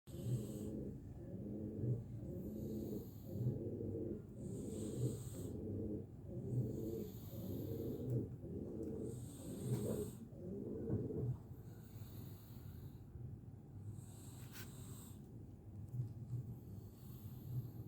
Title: kucing mendengkur ( ngorok ) asik tidur dengan pulas